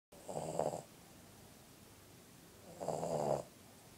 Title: Kujo The Puggle Snoring.